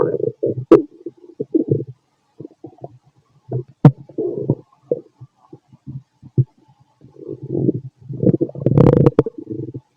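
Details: Fit male's stomach recorded with a stethoscope after lunch and a carton of milk: frequent low gurgling and rumbling with irregular bursts and a few sharp clicks; active, normal bowel sounds (borborygmi).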